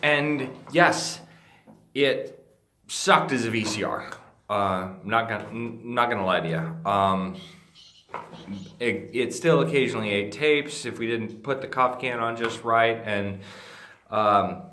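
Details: Adult man with Friedreich's ataxia, a degenerative neurologic disease that he says slurs his speech and impairs swallowing. Finding: dysarthria (slurred speech) in Friedreich's ataxia.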